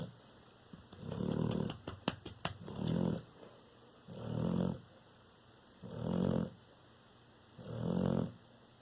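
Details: Bullmastiff–American Bulldog dog snoring nightly for five years: regular low rumbling snores on each breath, about 35 a minute, in a quiet room during sleep.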